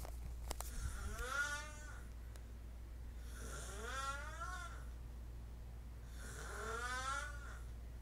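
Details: Unusual, persistent snoring in a sleeping man: three rising, whistling, almost tonal snores about every three seconds over a steady low hum.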